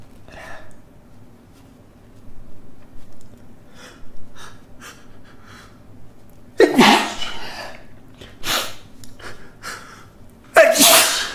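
Soft breathy build-up and nasal sniffing, then two forceful sneezes with sharp explosive bursts; ordinary induced sneezing.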